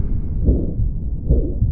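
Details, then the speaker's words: Stethoscope heart sounds in real time with a low rumbling murmur filling the space between beats; aortic stenosis murmur, described as radiating to the neck. "Bueno, esa era una un audio de una insuficiencia valvular de tipo estenosis aórtica."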